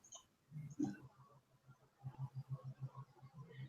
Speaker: The only thing what's making a noise is my dog snoring. That I also hear. Yeah. Can you hear him? Yeah, snoring away.